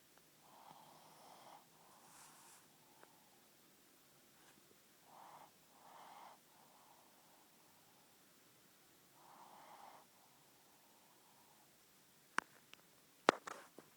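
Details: Pug: soft, irregular nasal snorts and snuffling breaths at low volume in a quiet room, with a few sharp clicks at the end; snorting breathing.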